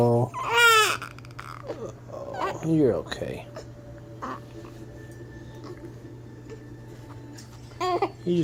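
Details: Baby who has just finished eating and has hiccups and gas: short bursts of infant crying and fussing with quieter gaps over a steady room hum; ordinary infant cry.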